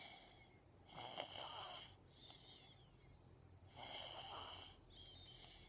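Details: A young child with strep throat snoring while sleeping on her mother: soft, whistly, high-pitched snores on two breaths about three seconds apart, with faint noisy breathing between; narrowed-airway snoring.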